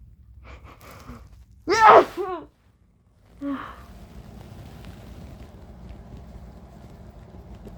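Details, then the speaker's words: Person woken from sleep by a sneeze tickle and coaxing it with tissue: a few short preparatory breaths, one loud explosive sneeze, then a softer exhale; ordinary sneeze, one of four, leaving them dizzy. "Oh, now I feel like really dizzy. Oh my gosh. Well, there are 4 sneezes for you."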